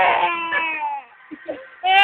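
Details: Infant just woken from sleep: high, wavering cry with a brief pause and short whimpers before the wail resumes; ordinary infant crying.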